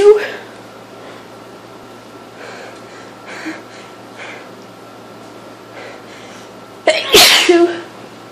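A quiet room, then a sharp, explosive burst of sneezing near the end, consistent with a sneeze attack from a cold.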